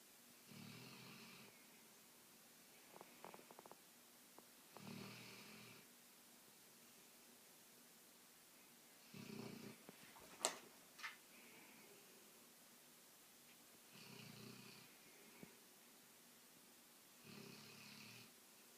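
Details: Dog snoring loudly enough to wake herself: soft, rasping snores at steady intervals, about 13 per minute, with faint clicks between; snoring during sleep.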